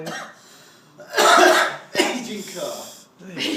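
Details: Two harsh, explosive cough bursts from an adult, between short breaths and faint voice in a small room, during a week of very bad Beijing air pollution.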